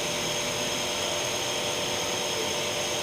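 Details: Steady, loud, hissing mechanical drone of a nebulizer compressor running without breaks during a nursing-student SOP practice demonstration of nebulizer therapy on a male patient; the device turns liquid medicine into inhaled vapour for breathlessness such as asthma or COPD.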